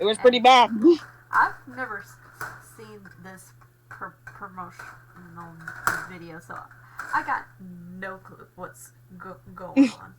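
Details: Acquired stuttering in a male after a car accident and hospital stay, with aphasia from post-traumatic concussion; he attends speech therapy for the stutter.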